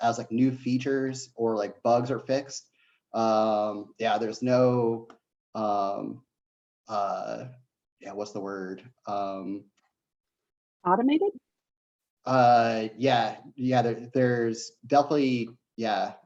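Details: Adult man who says he has a bit of a stutter, speaking on a live online panel; stuttering.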